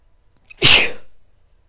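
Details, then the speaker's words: Female with a tickly nose during a sneezing fit: a short catch of breath, then one loud, hissing, wet sneeze fading over about half a second; an ordinary sneeze. "Oh my god, that was really wet. Oh, it felt amazing though. Bless me. That was big."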